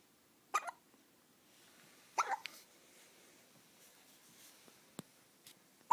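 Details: 14-day-old baby hiccuping after feeding: two short, sudden hiccups about two seconds apart, then softer faint noises, in a quiet room.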